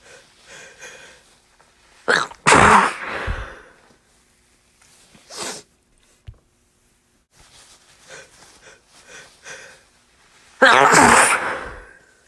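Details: Two stifled, held-back sneezes with quiet breathing and sniffing between, after dusting, held back late at night to stay quiet; suppressed stuck sneezing.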